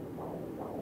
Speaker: when a patient hears a heartbeat for the first time they're often surprised by the sound of it um it's very fast it's normally between about 120 and 160